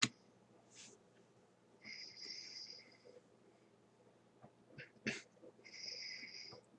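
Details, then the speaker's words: Snoring: a sleeping adult man gives two high, whistling snores on breaths about four seconds apart, in a quiet room. "Вы слышите эти звуки удивительного храпа товарища?"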